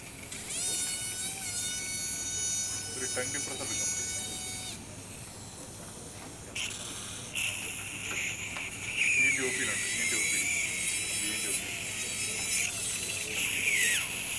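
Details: Cadaveric TONES dissection: high-pitched whine of a high-speed drill changing pitch as it cuts bone at the middle fossa floor, nearly reaching the dura, with a retractor held and faint talk in the background.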